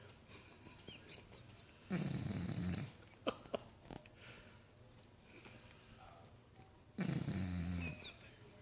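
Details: Two long, low, rumbling breath sounds a few seconds apart with faint clicks between them, consistent with snoring.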